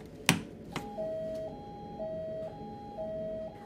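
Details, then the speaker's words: In-hospital paediatric basic life support, infant CPR demonstration with an unresponsive infant: two soft knocks, then a two-tone electronic chime alternating about every half second as the emergency bell is pulled to summon help. "if the infant does not respond shout for help and pulled the emergency Bally Bourn is available"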